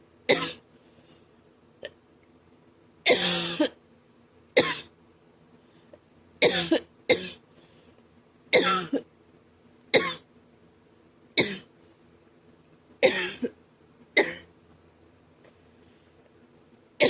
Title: man wow a little breaking cough ouch it hurts my chest and throat